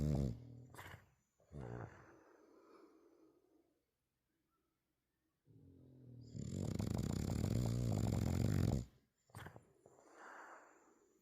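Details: Bulldog snoring in the background: loud, rattling, snorting noise with each breath, in bursts broken by quiet gaps; heavy snoring from a flat-faced dog.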